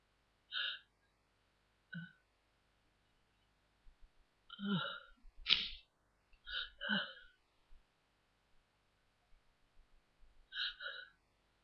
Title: stiffles, sneezes, blows